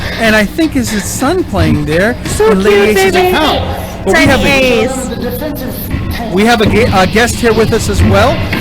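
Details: Adult male speaker; Normal voice.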